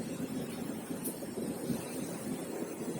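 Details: CEPL O2 Engine Mini oxygen concentrator running while oxygen concentration stabilizes toward 90–93%, flow set at 6 LPM in each of two bottles (12 LPM total): steady whooshing hum with low mechanical drone.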